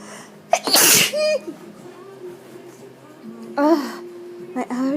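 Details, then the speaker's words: Person with suspected allergies that began after going outside takes a quick inward breath, then gives a loud explosive sneeze followed by brief voiced sounds; repeated sneezing. "allergies so Bad I'm at least guessing That's what it is"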